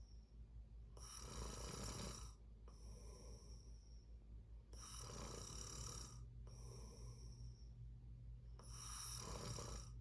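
Loud, rough snores on each breath in, with quieter breaths out between them, over a low steady hum.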